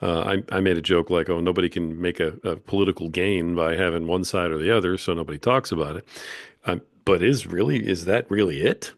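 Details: Adult male speaker; typical speech.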